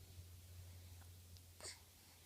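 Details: A baby girl gives a single short, sharp hiccup over a steady low room hum, with fainter clicks before it; hiccups.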